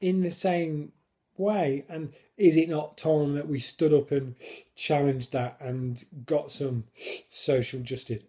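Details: Adult man who stammers, now controlled with a technique learned on a course (blocks without it); he considers it a disability; stammering.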